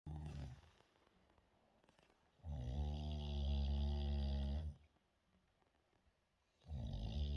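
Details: Nana snoring: deep, loud, rattling snores on each inhalation separated by quiet pauses during exhalation; ordinary heavy snoring.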